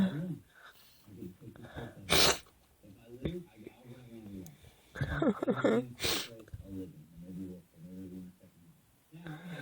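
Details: Two forceful sneezes with a gasping catch of breath, broken up by quiet speech, from someone who is sick and itchy and can't stop sneezing.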